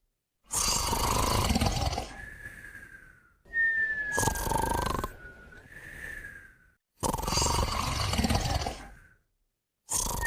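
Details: Two sleeping pets snoring and whistling together: loud rattling snores alternating with thin high whistling, about 30 snore cycles a minute; snoring.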